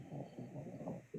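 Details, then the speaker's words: Sleeping dog snoring in the background of a live video call, heard over the microphone: faint, low, rough rumbling breaths against room sound. "I can literally hear your dog snoring. The whole [laughter] time I was like, "What is that noise?" I'm like, "That's her dog snoring.""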